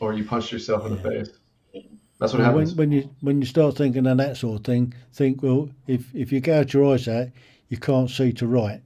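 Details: Adult man speaking; ordinary speech.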